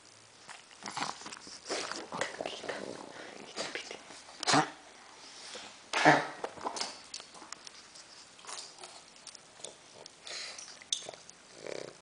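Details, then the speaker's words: Pug coughing: harsh, snorting coughs with two loud bursts among noisy, congested breathing; the owner says the dog is choking. "no quieres ladrar ahora cariño no es el momento te estás ahogando"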